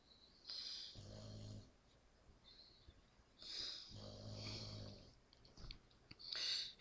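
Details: Very tired sleeping dog, new to the family and also passing gas, snoring: two low, rumbling snores with hissing breaths between them, about three seconds apart.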